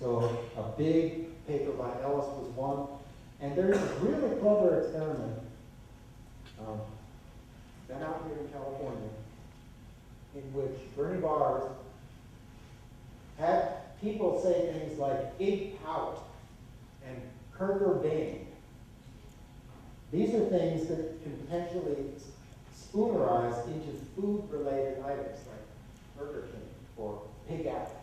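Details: Adult male lecturer; typical speech.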